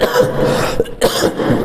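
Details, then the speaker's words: Two rough, forceful coughs in quick succession, close to the microphone, from a lecturer who says he keeps coughing because he is unwell. "माफ़ी चाहेंगे, बार बार खांसी आ रही क्योंकि स्वास्थ्य अच्छा नहीं है, फिर भी कोशिश कीजिए इसको आप लोग स्किप करके चलिएगा, माइंड नहीं करिएगा।"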